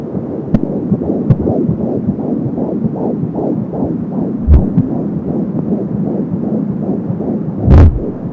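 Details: Fetal heart sounds at 14 weeks of pregnancy on an Angel Sound home fetal Doppler: fast, regular whooshing pulses at about 170 beats a minute, with whooshing umbilical cord sounds.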